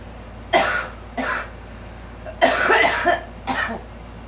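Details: A girl coughs; adults urge her to let it out and attribute it to allergies.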